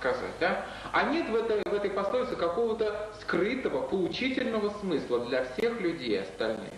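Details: Adult interviewer speaking Russian; Normal speech.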